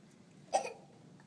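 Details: A young girl gives a single short, deliberate cough burst in a quiet room, pretending in play. Fake cough.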